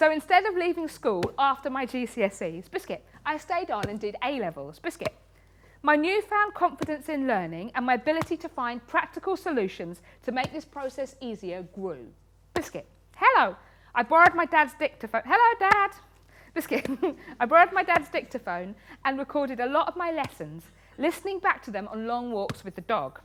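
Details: Woman in her 30s with Tourette syndrome since age six, a spectrum condition, with frequent involuntary word tics and coprolalia (obscene tics); vocal tics (Tourette syndrome).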